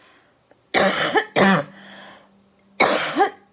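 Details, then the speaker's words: Productive cough "They'll cough. They'll cough. They might even turn blue for a few seconds. You We got to get the junk out."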